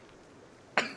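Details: Male streamer with allergies sneezing: a single sharp, explosive sneeze in a quiet room.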